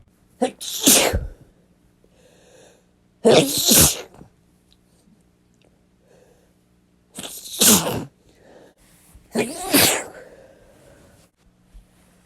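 Four forceful sneezes, each a sharp indrawn breath followed by an explosive burst, separated by quiet pauses; ordinary sneezing.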